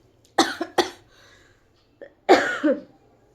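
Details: Three sharp coughs from an adult woman who says she feels unwell, two close together, then a faint catch and a longer final cough.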